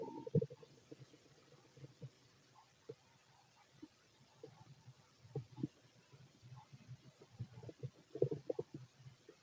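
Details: Fit adult male's abdomen auscultated with a stethoscope, giving soft irregular gurgles and low rumbles with brief quiet gaps: ordinary stomach growling, bowel sounds (borborygmi).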